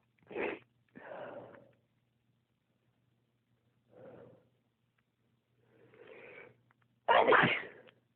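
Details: Adult sneezing spell that occurs when the toes get cold after getting out of bed without socks: five sneezes in quick succession over eight seconds, the last loudest and most forceful.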